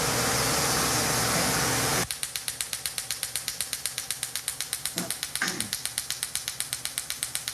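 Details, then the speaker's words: Cyton erbium laser sculpting remaining facial lines after CO2 laser, female patient, skin resurfacing: a loud hiss stops, then rapid regular clicking snaps about four per second, erbium laser pulsing. "Now I'm going to use the Cyton Erbium. This is my sculpting tool, so I sculpt away the remaining lines."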